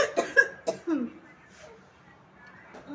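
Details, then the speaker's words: Child's repeated cough, described by the mother as a very bad cough being treated with medicine she gives: a quick run of about four short, hacking coughs, then quiet. "खांसी की आवाज़ को बहुत गंदी वाली खांसी हो रही है"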